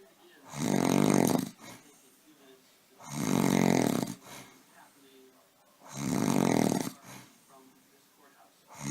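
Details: Adult man (husband) snoring during sleep: three loud, rough, rattling snores on the in-breath about 2.7 seconds apart (roughly 22 breaths a minute), with quiet out-breaths between.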